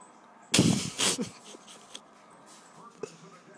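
An infant makes two abrupt, loud breathy sounds close together, then fainter short clicks in a quiet room, fitting hiccups.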